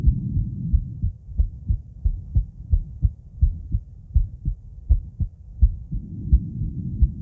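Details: Normal female heart sounds auscultated with various stethoscopes at Erb's point, mitral, tricuspid, aortic, then pulmonic areas.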